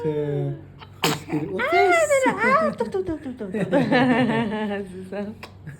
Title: The cutest baby sneeze you’ve ever seen!😍#shorts